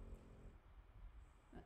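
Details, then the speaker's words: Quiet, low rumbling snore from a sleeping pet dog, out like a light in the owner's room, faint against soft room background; snoring. "his snore is so cute so yes you can hear it is it loud Marissa I'd be totally honest is it loud and is it going to be distracting through this whole video let me know"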